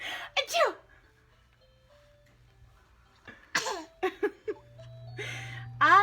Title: Pretending to sneeZe 17 weeks